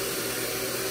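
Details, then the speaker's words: Steady whirring motor hiss of a continuous-suction electric nasal aspirator pressed and held at minimum suction, with no change in pitch or rhythm, in a physician mom's review of baby nasal aspirators. "maximum okay i'm not gonna lie this sound is super scary okay"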